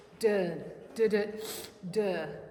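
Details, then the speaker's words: Severe heart murmur in a horse with two additional heart sounds and a pretty significant swoosh; valvular insufficiency is discussed as common in older horses, not confirmed for this horse. "So we have two additional heart sounds with a pretty significant swoosh. Um, cardiology gets very complicated very quickly. In older horses, the most common thing that I've seen here at Horse Plus is valvular insufficiency."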